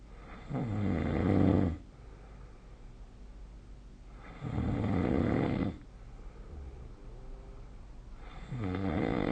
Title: 🐽 いびきの音 / Snoring Sleep Sound 2025/05/26